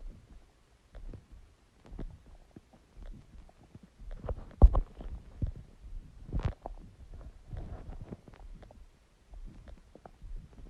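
Irregular low gurgles and rumbles from the belly: stomach growling, the normal sound of gas and fluid moving through the gut.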